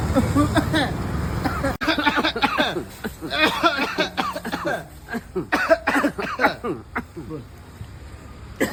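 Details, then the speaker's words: Acted coughing from an adult man, short harsh bursts mixed with talk, portraying a persistent cough. "तुम्ही खोकल्याने त्रस्त आहात तर मग doctor निकाल सरांच्या पुन्हा हॉस्पिटलला भेट द्या आणि योग्य उपचाराने तुमचा खोकला बरा करा धन्यवाद"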